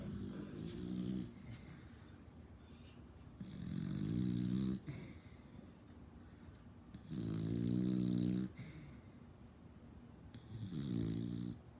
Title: Snoring beagle 😂